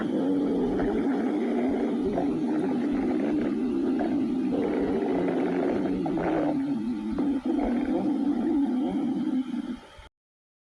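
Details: Long, continuous low gurgling growl from the belly; stomach growling (borborygmi).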